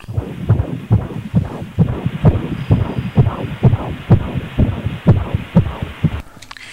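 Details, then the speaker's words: Fetal heartbeat during a prenatal ultrasound: rapid, regular whooshing at 128 beats per minute, judged normal. "le rythme cardiaque est régulier j'ai une vitesse de 128 battements par minute c'est normal"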